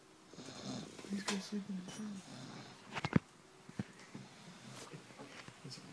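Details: Roommate snoring during sleep: rough, fluttering snore breaths in a quiet room.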